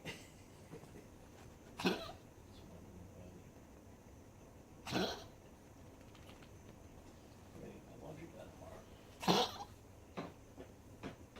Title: Bruiser after Tracheal Ring Surgery. Constant coughing while exhaling.